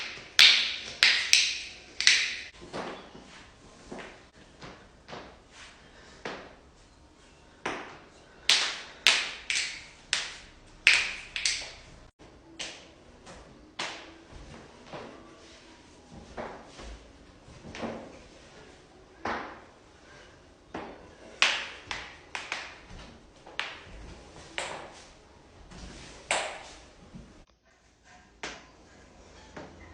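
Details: Compilation of joint cracking: a series of sharp, crisp pops and cracks at irregular intervals.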